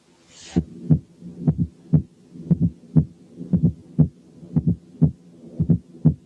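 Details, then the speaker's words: Fourth heart sound (S4 gallop), heard at the apex with the stethoscope bell: a slow regular heartbeat near 58 per minute, with a soft extra sound just before the first sound. "حالة 1 كانت فورس هارت ساوند."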